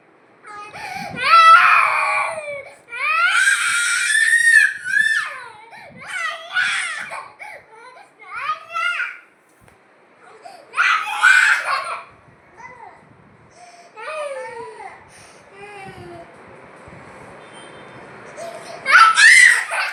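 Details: A 2-year-old toddler cries in wailing bursts of rising and falling pitch while adults talk nearby in a small room.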